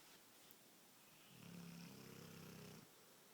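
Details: Sleeping Cane Corso dog: a fluttering, rattling snore on one long in-breath, about a second and a half: snoring.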